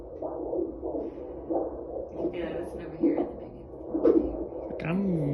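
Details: Fetal heartbeat on Doppler ultrasound at 18 weeks pregnant, birth centre visit: rapid, rhythmic whooshing pulses; baby described as super active.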